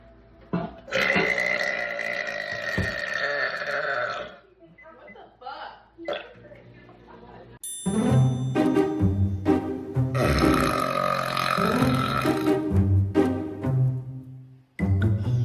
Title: Guys Burps Compilation